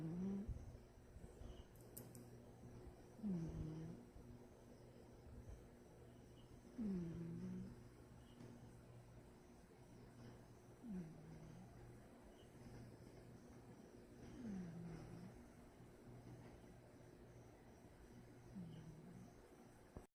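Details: Soft, low rumbling snores recurring about 17 times a minute over a steady background hum.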